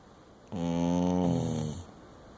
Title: Dingo sleeps and snores